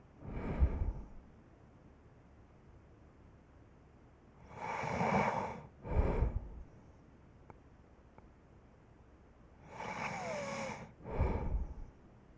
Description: 5 minute clip of snoring. Join me in my dream.